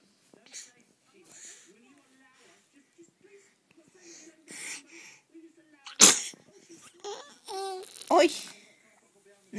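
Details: One sharp, explosive sneeze and a smaller follow-up in a quiet room, after which the sneezer says hi in Swedish; sneezing.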